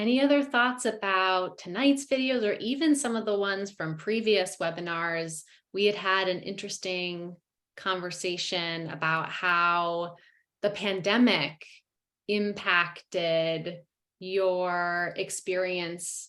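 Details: Adult woman speaking; normal fluent speech.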